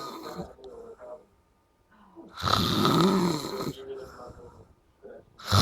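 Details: Person after a night out making loud, harsh, fluttering breaths during sleep with quieter breaths in between; snoring.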